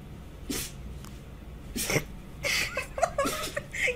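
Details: Cats and dogs sneezing, some startled by their own sneezes: several short explosive bursts of air from a small animal with quiet gaps between; repeated sneezes.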